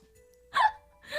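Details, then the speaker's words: A single short voiced burst over a steady background tone, where a yawn turns into a sneeze and the two blend; the speaker then apologizes. Sneeze mixed with a yawn. "하품이 나오다가 재채기가 나오다가 둘이 섞였어 아 죄송해요 아 하품 나오려다가 재채기가"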